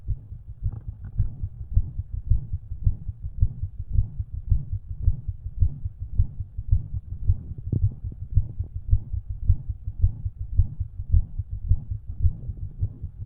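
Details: Self-recorded with own stethoscope: rapid, regular heartbeat with an extra soft sound before each beat, which the recorder suspects may be an S4, plus a faint murmur; the extra sound had gone by later that day.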